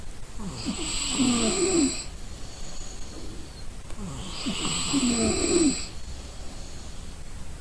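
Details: Exhausted person sleeping: loud rattling snores on each in-breath, two cycles about four seconds apart, roughly 15 breaths a minute, over steady background hum; snoring.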